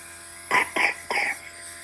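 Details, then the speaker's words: Child with a strong cough, before steam inhalation treatment: three short, harsh coughs in quick succession with a low buzzing background. "Привет друзья у нас заболела у неё сильный кашель и мы решили делать ингалятор"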